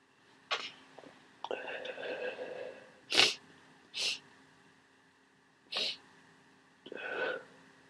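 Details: Very wet, messy sneezes from a cold after waking up sneezing and congested: several sharp, hissing sneezes with breathy inhalations and sniffs between them.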